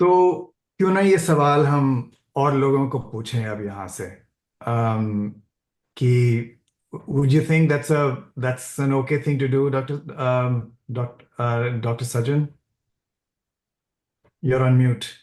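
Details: Adult man who says he stammers and is wired that way: stammering (stuttering).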